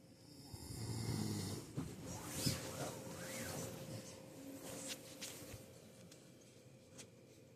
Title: He was #sleeping #good #snoring 🤣